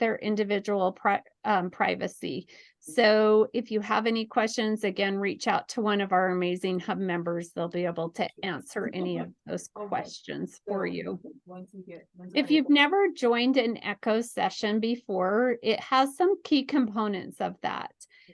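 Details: Adult woman speaking; ordinary speech.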